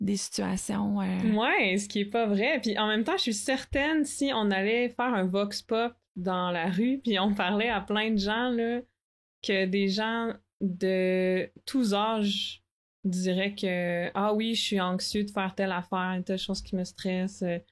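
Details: Adult woman who stutters, a master's candidate in speech-language pathology, speaking French; stuttering.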